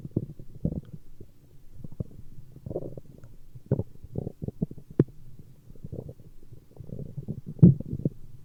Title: Stomach Growling